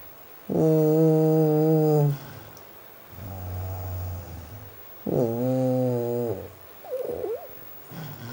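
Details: Loud, buzzing snores on the in-breath, with quieter rumbling on the out-breath, recorded 18 February 2012; snoring.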